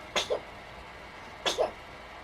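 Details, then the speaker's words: Newborn boy about a month old sneezing: two quick sharp bursts, a sneeze with a short following sound, recurring once. "Bless you."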